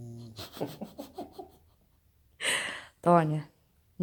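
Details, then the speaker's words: Sleeping pug snoring: rapid fluttering snorts, then harsh noisy breaths and a honking snort. "[Música] quando você quer provar que a pessoa ronca ea uma acredita [Música]"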